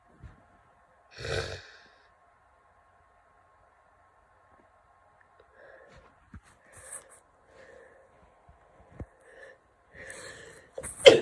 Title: Day 2 of this nasty cold lots of sneezes and sniffles